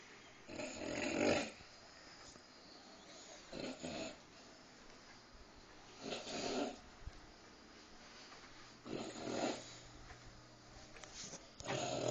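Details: Sleeper who fell asleep while eating a midnight snack, heard as a dog, makes loud rasping snores at about 23 a minute with quiet gaps between them; snoring.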